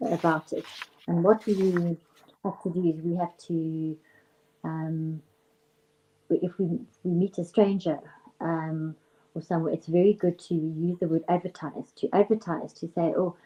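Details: Stuttering in an adult female speech and language therapist who stutters herself; it runs on her father's side; she rates her usual stutter about 2/10, 4/10 on a bad day.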